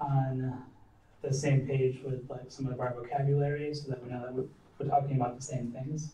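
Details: Adult man; normal speech.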